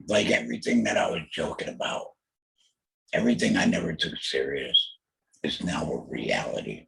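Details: Alaryngeal speech from a laryngectomee after a total laryngectomy for throat cancer diagnosed in 2020, followed by chemotherapy and radiation.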